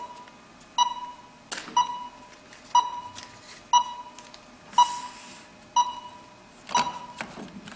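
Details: BIOBASE DM7000 defibrillator monitor connected to a 5-lead ECG cable: regular electronic beeps about once a second with clicks and paper-feed whirs as the integrated thermal printer prints an ECG report.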